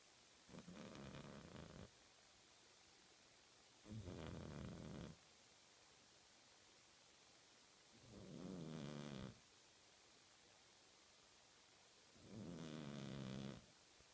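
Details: Soft buzzing snores on each breath, about every four seconds, over a quiet hiss, from a sleeping, twitching cat; snoring.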